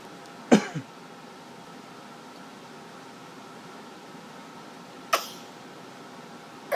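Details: Young child imitating daddy's cough: two short, sharp pretend coughs several seconds apart in a quiet room.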